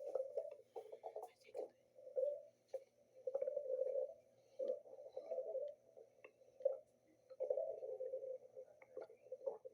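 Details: Soft, irregular gurgling and rumbling bursts in a quiet room; stomach growling (borborygmi).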